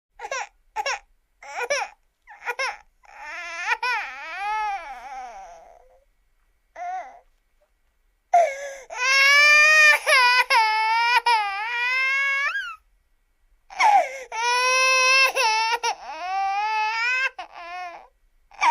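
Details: Baby crying in short whimpers that build into long, loud wails with breaths between, in a small room; infant crying.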